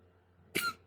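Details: Pet cat, owner unsure whether dry heaving and says he sometimes dry heaves, considering a vet visit: single short, harsh expulsive burst, a cough or dry retch.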